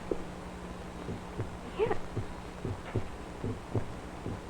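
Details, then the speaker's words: Person listening to their own heart through a simple funnel-and-rubber-tube stethoscope placed just right of body center, lower than expected: regular paired low lub-dub thumps about 75 per minute over steady hum; normal heart sounds. "wait a minute I could hear it without this thing well I turned up some heartbeats could you really hear us though yeah I could it was much softer than that love dub yeah so you're actually hearing a heartbeat now"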